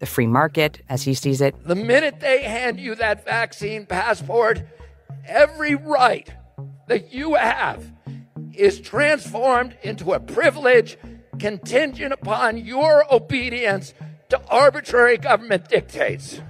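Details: Spasmodic dysphonia in an adult man, diagnosed at some point during his career as an environmental lawyer.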